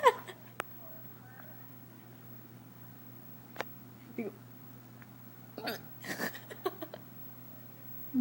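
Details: Hiccups, recorded by girlfriend: several sharp, abrupt catches of breath over steady room hum with voices nearby.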